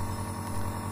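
Steady low mechanical hum with a constant buzz, the running sound of a compressor nebulizer.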